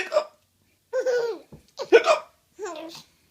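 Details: Baby boy laughing at hiccups: a sharp, brief hiccup-like gulp between short voiced sounds and giggly vocalizing; hiccups.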